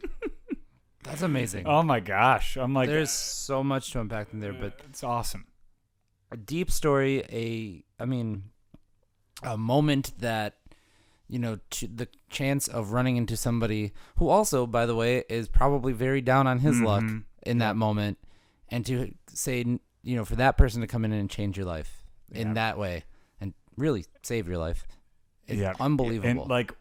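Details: Adult man speaking; ordinary fluent speech.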